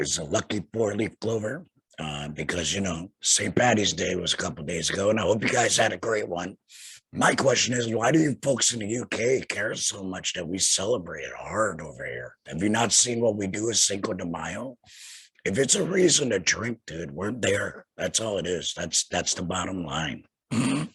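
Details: Laryngectomee speaking with a tracheoesophageal puncture (TEP) voice prosthesis; tracheoesophageal speech after laryngectomy.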